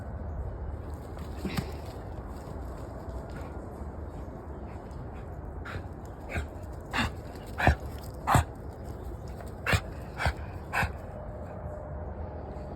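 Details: A dog named Lucky gives a run of about seven short, sharp coughs over a steady background hiss, recorded September 9.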